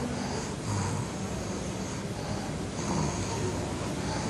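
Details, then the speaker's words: Child with epiglottitis sitting upright, not swallowing, drooling, no cough: low-pitched snoring noise on both inspiration and expiration, contrasted with the higher-pitched stridor of croup. "listen to the low-pitched snoring inspiratory and expiratory Noise contrasted to the higher pitched stridor of group"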